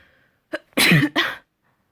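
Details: Dust-triggered double sneeze: a quick breath in, then two sharp, noisy bursts in a row, from a series of stifled, sprayed and messy sneezes.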